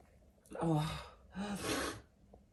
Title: Fall barking cough